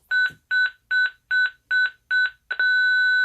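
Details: Zoll X Series monitor in manual defibrillator mode, energy selected and charge pressed during a demonstration: repeated short electronic double beeps, about 150 a minute, rising into a steady continuous tone as it charges, then charged and ready.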